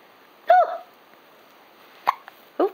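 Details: Young daughter with hiccups, who first laughs at them and then gets mad: three short, abrupt voiced gulps in under three seconds against quiet room noise; hiccups.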